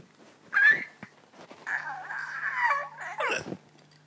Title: Funny mom hiccups